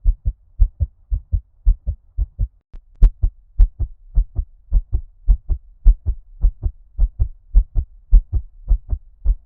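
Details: ASMR heartbeat with an ear-cupping effect: steady, muffled paired thumps at roughly 105 beats a minute, sounding underwater; a fast heartbeat.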